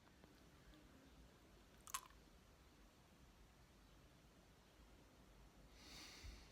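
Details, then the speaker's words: Adult with sudden adult-onset body tics that feel like Tourette's (says it is not), after a bodywork course; quiet room, a sharp click, then a brief forceful nasal snort near the end: involuntary vocal tic (snorting). "but I'm getting some very weird things happening. It's my body's doing itself. I'm not trying to change it. I'm not acting it out."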